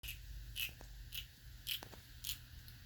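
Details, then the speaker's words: Kitten grinding her teeth while eating canned food: soft crunching, grinding sounds about every half second over room hum. The owner has not heard this noise before. "So she's grinding her teeth as she's eating."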